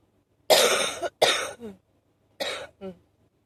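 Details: Short wheezy allergic cough: three harsh cough bursts, each trailing into a brief whistling, tonal wheeze on the intake breath.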